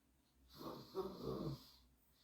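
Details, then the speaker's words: Single low, rattling snoring breath from the speaker's sleeping dog, rising and fading over about a second; snoring. "commence on tapote on y va tout en douceur vous entendez mon chien qui ronfle"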